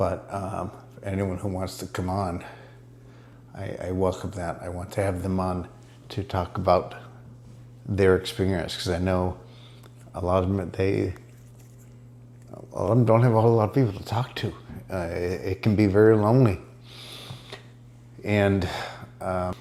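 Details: Adult man with multiple system atrophy showing dysarthria, which he reports improving about six weeks after ibogaine treatment; dysarthria in multiple system atrophy.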